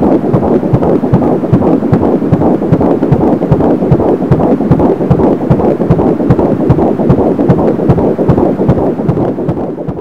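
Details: Rapid, regular whooshing pulses at about 150 beats a minute: fetal heart tones on Doppler at 13 weeks 2 days of pregnancy.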